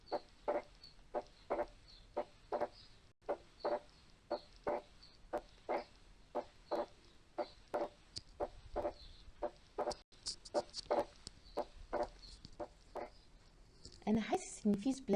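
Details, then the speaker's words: Wide but not fixed splitting of S2 with an intact interatrial septum: regular heart sounds with a persistent split that widens on inspiration and narrows on expiration. "بيوسع وبيضيق مع الانسبيريشن والاكسبيريشن. اذا هو وايد بس مش فيكسد."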